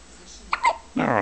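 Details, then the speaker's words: Baby with hiccups that stop and return while being filmed; hiccups. "hi hiccups got the hiccups get the hiccups are you hiccuping"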